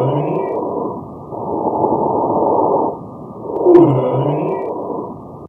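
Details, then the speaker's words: Simulated breath sounds activated on a patient simulator: musical, whistling tones riding on the breaths, as heard in COPD or asthma. Wheezes. "So now I'm going to activate V's in the patient. Okay. And then you guys know V's you will hear in COPD or asthma patients, right?"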